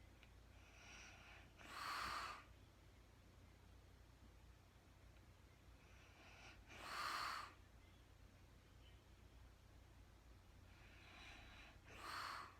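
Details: Woman recorded in real time sleeping through the night, very tired, not talking: soft rasping breaths about every five seconds, roughly 12 a minute, over steady room hum; light snoring during sleep.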